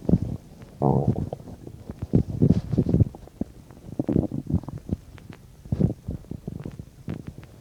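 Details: Abdomen about 10–15 minutes after eating a bean and cheese burrito: irregular low gurgles and rumbles; ordinary active bowel sounds (borborygmi) during digestion.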